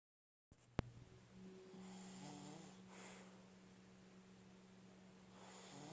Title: napping buddies #rednosepitbull turn it way up for syncronated snoring